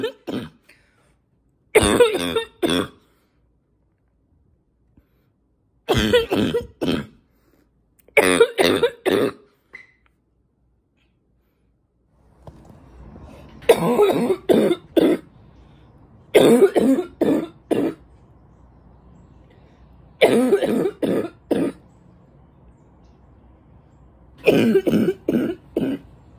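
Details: An adult who has been more congested lately, possibly from allergies, coughs in about seven harsh bouts of two to four coughs each; congested barking cough.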